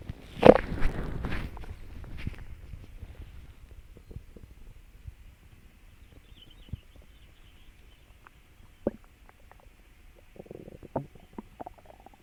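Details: Irregular gurgles and rumbles, a few loud, then scattered quieter clicks and bubbling, recorded after eating a meal for the first time in a while: borborygmi, active bowel sounds.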